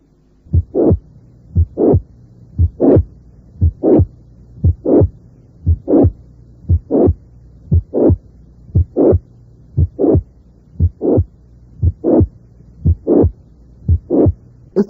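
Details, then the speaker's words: Late systolic murmur of mitral regurgitation at the apex: regular heartbeat near 58 a minute, murmur often crescendo, rising late in systole up to S2, high-pitched but sometimes somewhat harsh. "y se ha comprobado que un soplo hoteles históricos a menudo de carácter creciente inferido a insuficiencia mitral desde punta y desde tono alto pero a veces puede ser algo áspero"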